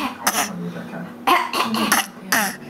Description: "coughs." mimicking his Lola's throat clearing sounds